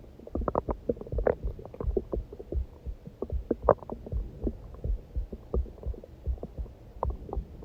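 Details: Low, irregular gurgling and rumbling pops from a starving person's belly, recorded during what was meant to be a heartbeat recording; hunger stomach growling (borborygmi).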